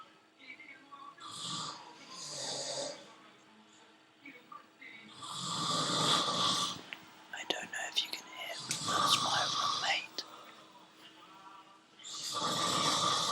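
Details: Male hospital patient in France snoring in sleep: loud, rough, rattling snores at about 18 a minute, with quiet gaps between breaths; faint room noise.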